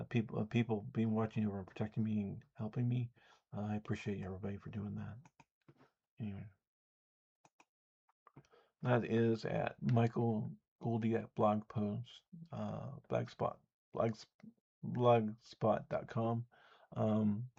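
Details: Adult man who says he has an audible speech impediment; speech impediment.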